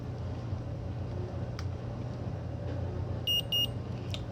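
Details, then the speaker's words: Omnipod change for a child with type 1 diabetes: two short high beeps over low room rumble as the filled insulin pump pod signals activation. "So, I didn't feel this one, right? Yeah, for sure. I moved it. Now, this one with the two beeps."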